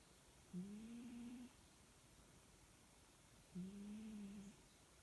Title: Puss snoring. 1st Feb 2021.